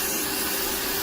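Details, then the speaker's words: Rotary grinder flattening thick foot calluses after its speed was lowered for vibration discomfort: steady, high-pitched grinding hiss with no pauses. "just gonna grind it down though a little bit more work to do here"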